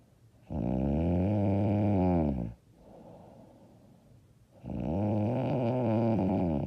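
Two long, loud, rattling snores on breathing in, with a quieter breath out between them; heavy snoring.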